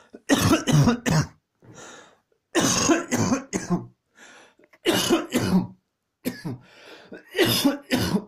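Four clusters of three to four harsh coughs each, with quiet breaths between: a bout of repeated coughing.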